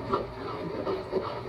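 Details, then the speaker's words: Rapid, regular whooshing Doppler pulses of a fetal heartbeat measured at 150 beats a minute during an ultrasound anomaly scan at 20 weeks (five months) of pregnancy, fetal weight 292 g, placenta anterior; normal fetal heart rate. "দেখুন বাচ্চার heartbeat শুনতে পাচ্ছেন সুন্দরভাবে। এখন বাচ্চার হার্টবিটটা measure করব। 150 big per minute আসতেছে।"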